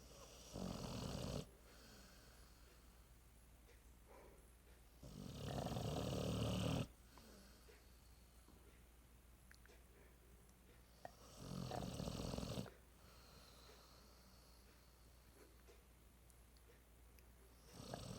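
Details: Pitbull napping on a couch, snoring: deep, rumbling snores at a slow rhythm, about three in twenty seconds, with quiet pauses between.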